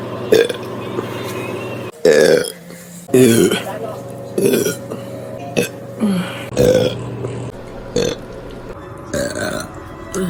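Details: Burp compilation: a run of loud, deep belches, about nine in ten seconds, over a steady background hum; repeated burping.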